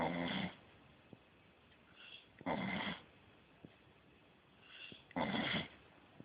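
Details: A sleeping beagle snores steadily and will not wake up: three loud, rough snorts at about 22 a minute, each preceded by a softer breath. Ordinary snoring.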